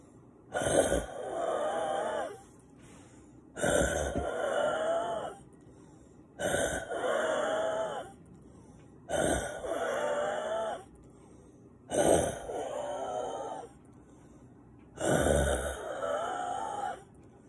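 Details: Adult waking at night or in the morning with congested breathing, gasping for air; sinuses and lungs congested with mucus, normally relieved by a breathing machine; loud effortful gasping breaths with wet, wheezy, moaning tones, about six breaths in seventeen seconds.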